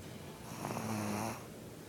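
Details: Snoring: one low, rattling snore on an in-breath against quiet room noise.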